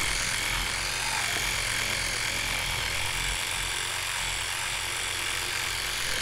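Steady buzzing hum with a hissy, scrubbing texture throughout; an electric toothbrush brushing teeth.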